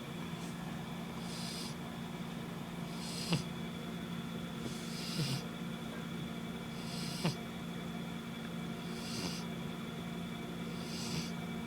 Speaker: Sorry. Didn't mean to wake you up. Go back to snoring.